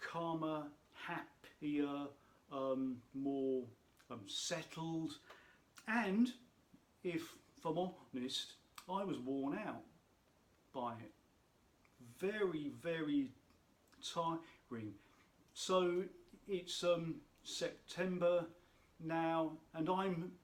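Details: Adult man who states he has a stammer, which he says can be heard in his speech; stuttering.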